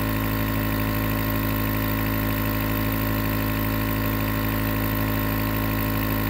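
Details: Continuous nebulizer compressor running, recorded as white noise for sleep: loud, steady mechanical hum and buzz without pauses.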